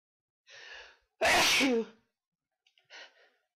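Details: A quick breathy inhale, then one loud explosive sneeze and a soft exhale; a single ordinary sneeze.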